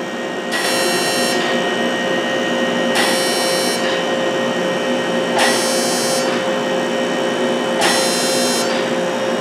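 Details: Fractional CO2 laser, described as non-ablative, treating a woman's face at the forehead: a steady machine hum with bursts of high-pitched buzzing about every 2.5 seconds as it fires. The patient reports no pain.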